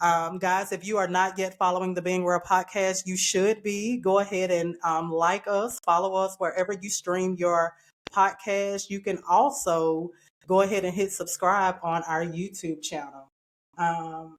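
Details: Adult speaker, podcast host; Normal speech.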